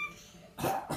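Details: Child gives one short, forced cough burst, pretending to cough like a grandparent; imitated cough.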